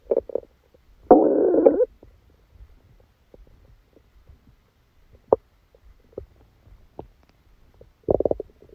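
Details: Gurgling rumbles and brief squelches from the belly with quiet gaps: bowel sounds during a stomachache after Christmas dinner, recorded while the person slept.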